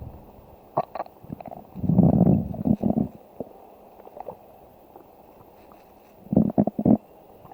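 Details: Low rumbling and gurgling bursts of stomach growling from a woman's belly, likely from hunger; borborygmi.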